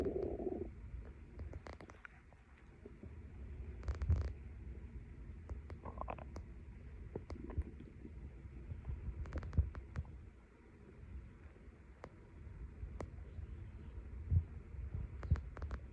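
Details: Tummy still digesting a late breakfast after light cleaning: soft, low gurgles and brief squeaks from the abdomen, ordinary bowel sounds of digestion.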